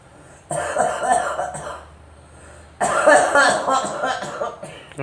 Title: Girl coughing